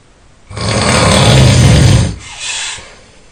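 A single loud, rough, rattling snore lasting about a second and a half, followed by a softer breath out.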